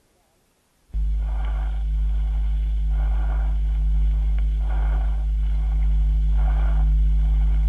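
Soft, distant, blowing breath sounds rise and fall with each breath over a steady low hum. This is a pleural murmur, a softened tubular breath sound like an inspired 'e', heard at the upper edge of a small pleural effusion beside consolidated lung.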